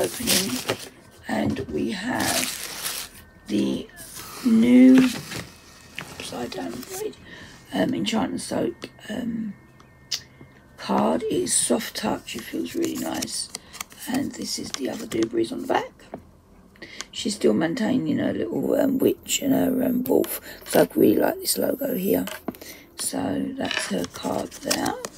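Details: Adult whose dysphonia, she says, is playing up; dysphonia.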